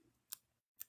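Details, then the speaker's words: Mechanical heart valve click picked up by a phone while the person talks: two crisp, high-pitched metallic ticks about half a second apart, the sound of the heart beating. "Ma I can't stop the ticking noise it's my heart sorry I'm sorry guys I have a I have a mechanical heart valve I I'll hold the phone away but that noise is my actual heart beating"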